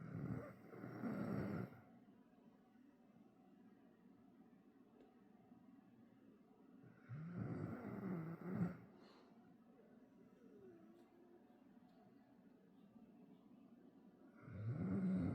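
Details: Bull terrier, Chico, fast asleep on an owner's lap: slow, low, rumbling snores about every seven seconds, with quiet breathing between them.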